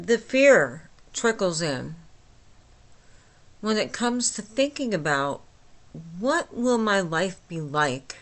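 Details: Woman, 49, with myasthenia gravis since age 8 causing talking and swallowing problems, about two weeks after finishing Rituxan treatment, speaking at 3 a.m. without her usual appliance; flaccid dysarthria with hypernasality.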